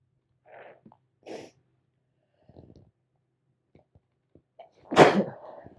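Two quiet inhaling catches, then one forceful sneeze; a single sneeze during a cold.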